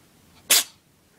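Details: Single short, sharp, hissing burst of air, one sneeze; owner suspects a cold or an allergy to cats.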